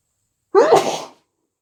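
A single short, muffled sneeze with a wet, congested quality, as with a head cold.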